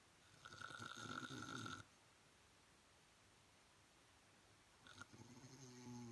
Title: Snore the night away lol